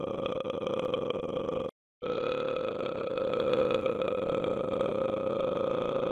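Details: Custom-made burping sound effect: a long, continuous belch, a brief gap, then another drawn-out rumbling belch.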